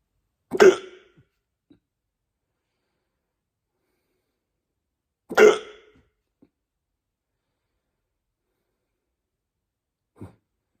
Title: Hiccups wont stop